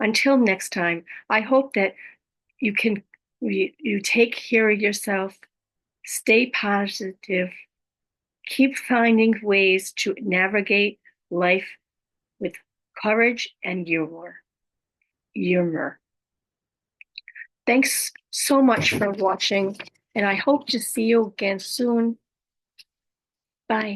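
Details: Adult woman living with aphasia, apraxia of speech, dysarthria and other communication challenges after a stroke: aphasia with apraxia of speech and dysarthria.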